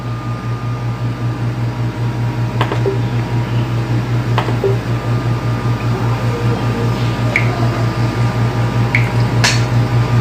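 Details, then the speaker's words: Rapid, even whooshing pulses of an early fetal heartbeat on ultrasound at 6 weeks of pregnancy, about 158 beats a minute, with arm and leg buds visible. "Vocês ouviram, gente, o barulho do coraçãozinho, o sonzinho? Vocês ouviram?"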